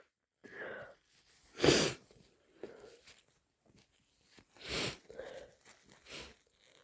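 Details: Induced with chhinkni (sneezing powder) during a cold: two strong, wet sneezes with sniffing and nasal breathing between them, in a small room; sneezing.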